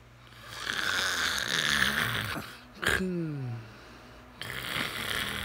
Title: When your own snore wakes you up!